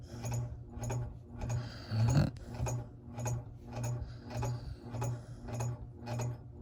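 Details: Sleeping dog snoring: rapid, regular low rattling snores, roughly 100 per minute with no pauses.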